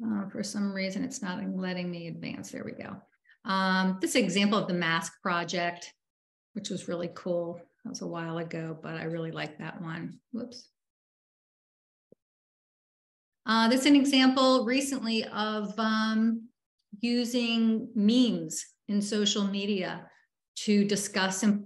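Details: Adult woman speaking; ordinary speech.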